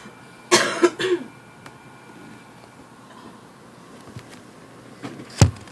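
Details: Infant sneezing: a short burst of small explosive sneezes, then quiet room noise with a few faint clicks.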